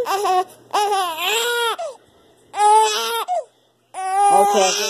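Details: Loud, tonal infant crying in repeated bursts with pauses for breath, from a swaddled baby who had already eaten and drunk some milk, seemingly hungry and trying to get out of the swaddle; ordinary infant cry.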